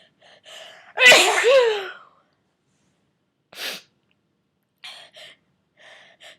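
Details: Person getting over a cold: one sharp explosive sneeze with a voiced burst, then a softer sneeze-like puff and faint small sounds, part of a series of 34 sneezes: sneezing.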